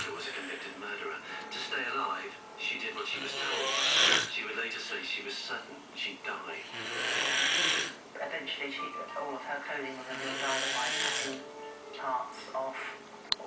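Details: Snoring recorded in 2014: loud, rasping snores, roughly 17 a minute, with television talk and music in the background.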